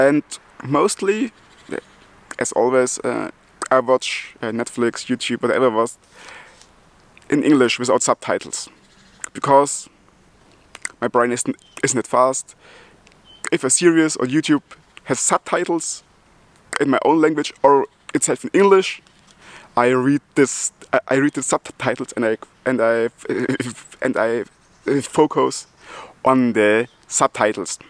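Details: Adult German man with multiple sclerosis who stutters, speaking English as his second language; he ties his stuttering to breathing and to the extra load of a foreign language; part-word and word repetitions; stuttering.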